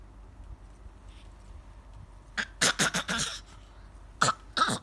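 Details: A few short, light cough-like bursts from an older baby after quiet; a deliberate pretend cough, playful behaviour as the infant grows; voluntary cough.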